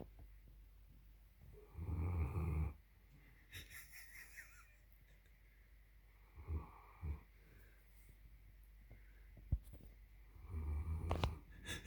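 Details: German shepherd snoring loudly: low rattling snores in irregular bursts during sleep, with quieter breathing between them.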